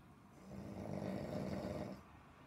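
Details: Man snoring deeply: a single deep, rumbling snore on an in-breath, rising and fading over about one and a half seconds in a quiet room.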